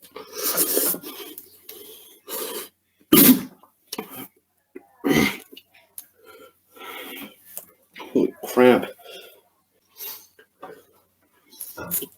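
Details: Harsh, rasping coughs and throat-clearing bursts with gasping, from irritation while eating spicy, fiery beef ramen noodles in a challenge; over five minutes of coughing.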